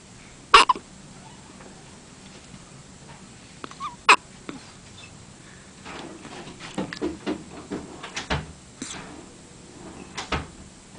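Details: Hiccups: two sharp, abrupt hiccup sounds about three and a half seconds apart, followed by softer clicks and rustling.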